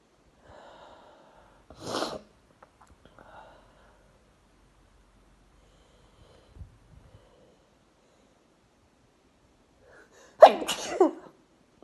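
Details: Sneezing triggered by sneezing powder into a face shield: two forceful sneezes, each preceded by a short in-breath, separated by quiet breathing and small sniffs.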